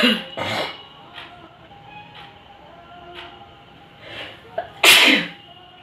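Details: Several sharp, explosive sneezes during a sneezing challenge, the last one loudest, with faint background music.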